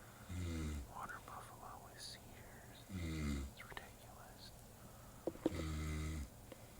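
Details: Man snoring loudly all night, with muscle spasms reported by the bed partner: low, rattling, vibrating breaths about every three seconds in a quiet room, with faint whispering between them.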